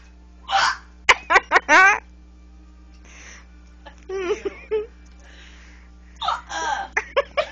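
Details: Woman with hiccups: several short, abrupt voiced catches in quick succession, with laughter between them.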